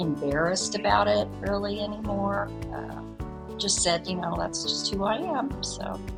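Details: Adult speaker; typical speech.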